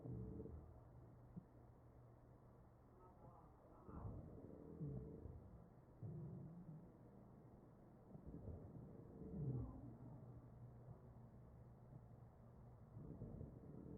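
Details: Chest sounds of a real patient on a ventilator: muffled low rumble with musical, whistling tones during ventilated breaths; wheezing.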